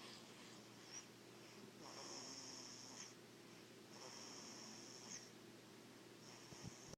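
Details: Soft, hissing snore-like breaths in a sleeping baby, about a second each, over steady room hum.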